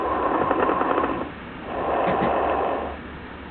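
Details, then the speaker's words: Simulated breath sounds on a Cardionics SAM auscultation manikin, stethoscope on the upper lung: dense, rapid bubbling pops through both breath phases, very coarse crackles. "breath sounds are easy to hear with sam place the stethoscope on the upper lung and listen to very coarse crackles"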